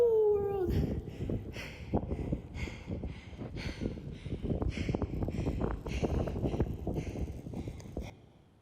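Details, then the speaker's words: Climber at high camp on the South Col of Mount Everest, 26,000 ft, taking five to ten breaths per step: labored breathing at high altitude. "At this elevation, you're starting to take five to 10 breaths for every single step. So, it looks a lot like this."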